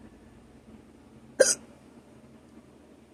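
A single sharp, abrupt hiccup against quiet room noise.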